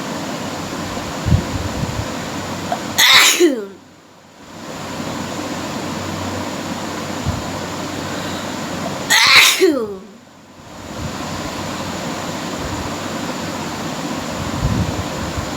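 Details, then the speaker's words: Sneezing during a deliberate sneezing challenge: two sharp, forceful sneezes about six seconds apart, each a burst of air noise, against steady room hum. "আজকে হবে sneezing challenge, unlimited sneezing challenge আর কি।"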